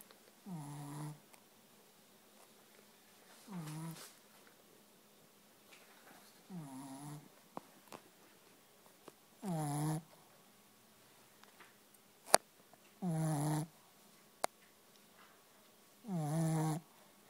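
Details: Female sleeper, very tired after a play date with her sister, snoring: six low, rumbling snores at regular intervals, about 21 breaths a minute, in a quiet room.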